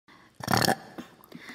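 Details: Burp from a compilation by a female ASMR creator; a single loud, drawn-out burp lasting about a third of a second, with faint room noise.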